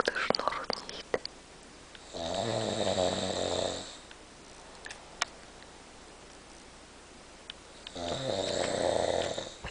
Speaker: Er hat gesagt, er schnarcht nicht. Und schon wieder. Und so ganze Nacht.